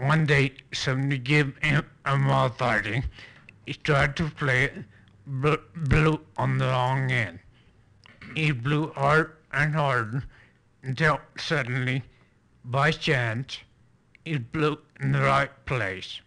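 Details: Speaker reading a standard passage as an educational demonstration of spasmodic dysphonia; spasmodic dysphonia.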